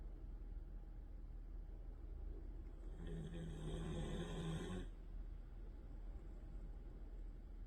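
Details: Sleeping Siberian Husky puppy on a weekend morning: one low, rumbling snore over steady background hum; snoring.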